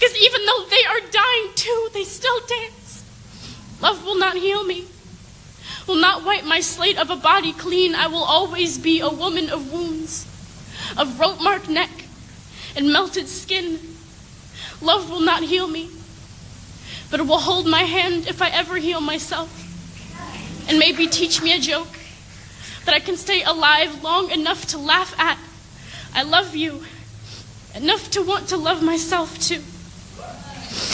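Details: Adult woman reading aloud; no disorder.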